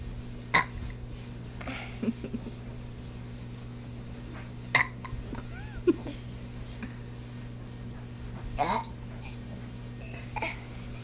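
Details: Several brief, sharp throat sounds spaced irregularly over about ten seconds, produced on request ("do it again, real loud"), over steady background hum; burps or hiccups.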